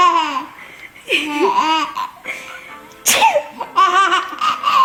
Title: He still thinks my fake sneezing is funny